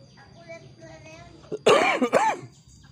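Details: Young child with a cough and cold, sunbathing outdoors: a faint child's voice, then a loud burst of two or three short, harsh coughs.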